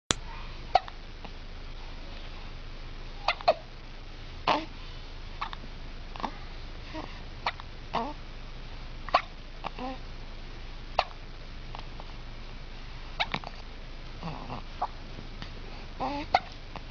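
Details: Baby hiccups: brief, sharp, irregularly spaced catches, about fourteen in seventeen seconds, against steady room hum.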